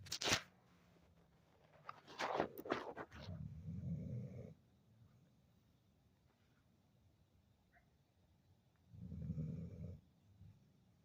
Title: my snoring dogs!!!